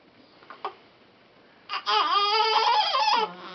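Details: Premature twin girl, about 3 months old and two days past her due date, with hiccups, on low-flow oxygen with a pulse-oximeter probe: a few soft fussing sounds, then a thin rising-and-falling cry.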